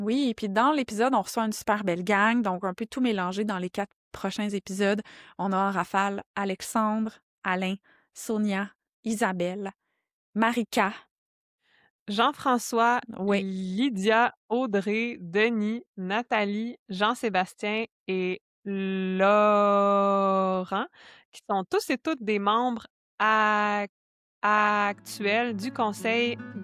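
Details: Adult woman who reports her own stuttering; stuttering.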